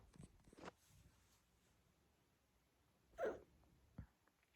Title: #hiccups